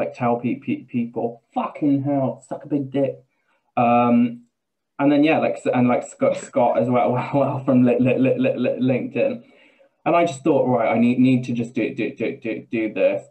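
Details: Adult man with Tourette syndrome speaking in an interview; repeated words and syllables, palilalia-like; vocal tics with palilalia (Tourette syndrome).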